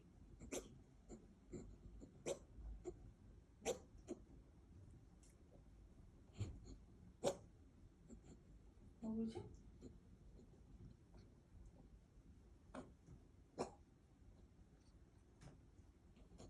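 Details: Cat making brief, irregular snorting bursts through the nose; owner wonders if it ate something wrong or something is stuck, noting it is not vomiting: reverse sneezing.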